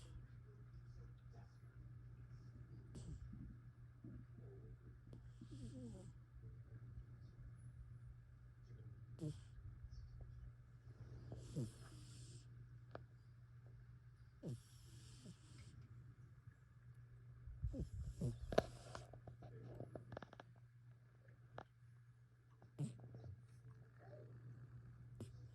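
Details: A sleeping cat snores softly, with faint breathy rasps roughly every four seconds over a steady hum.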